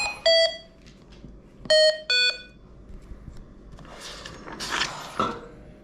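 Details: Three loud electronic alarm tones, two alike and one slightly lower, in a quiet room: a Hamilton T1 ventilator alarm during an adult ventilation skills demonstration; ventilator alarm.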